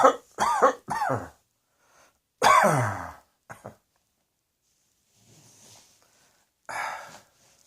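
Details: A run of about six harsh coughs with throat clearing and a breath between them; repeated coughing.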